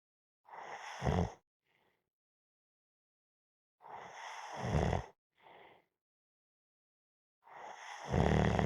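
Loud, rough, rattling snores ending in a deep low rumble, about 17 a minute, with softer breaths between; snoring during a nap.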